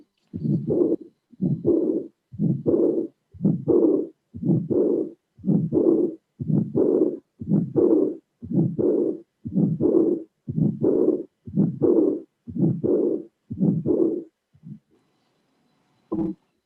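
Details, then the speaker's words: Aortic regurgitation at about 59 beats a minute: first and second sounds, a systolic ejection murmur, and a soft high-pitched early diastolic murmur that does not cover all of diastole. "So we have systolic and diastolic, and this is a auscultatory funding of heart regurgitation."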